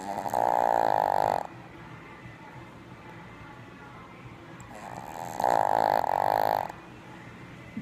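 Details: Tired, sleeping dog snoring: two long, buzzing, tonal snores about five seconds apart over quiet room noise.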